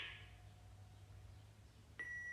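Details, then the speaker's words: Training defibrillator in a children's AED lesson, after the voice prompts "analyzing heart rhythm, shock advised, charging, stay clear of the patient": a steady high beep signals it is ready to deliver a shock. "analyzing heart rhythm shock advised charging stay clear of the patient"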